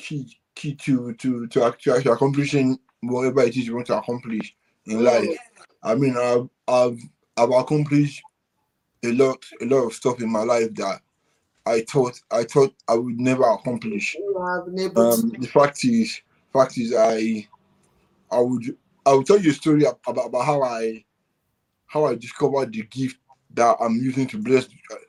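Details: Adult man born with cerebral palsy affecting brain areas controlling movement and speech, which he attributes to high bilirubin at birth; dysarthria.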